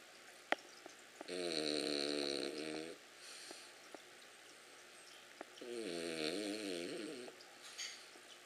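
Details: Ollie, a sleeping pet, snoring: two drawn-out, buzzing, whistly breath sounds with quiet gaps between them.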